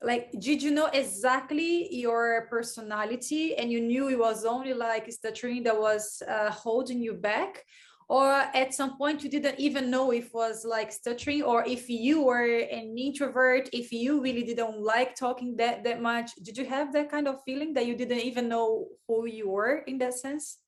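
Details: Adult speaker, likely female; normal fluent speech.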